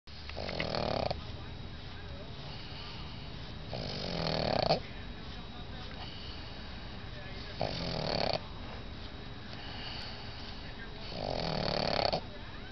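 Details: Pregnant pug dog with a big belly, napping on a lap, snoring: rhythmic, rough snores with each breath, about four breaths in twelve seconds, over a steady background hiss.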